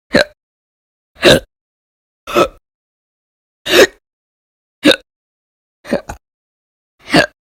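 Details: Seven short, sharp voiced hiccups, about one a second and somewhat irregular, one of them doubled, with silence between; audio-only recording of repeated hiccups.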